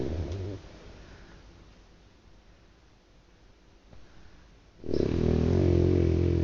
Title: Dog snoring loudly .